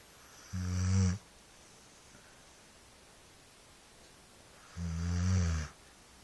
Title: Dog snoring